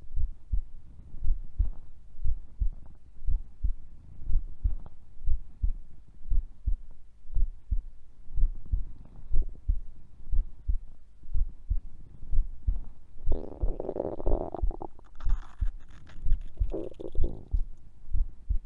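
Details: Bowel sounds captured within a sleeping heart-sound recording: steady low heartbeat about 60 per minute with bursts of gurgling, rumbling stomach noise; normal bowel sounds.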